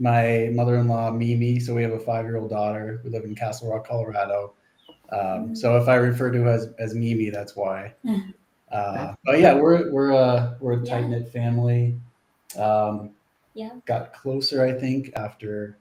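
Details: Adult man speaking; ordinary speech.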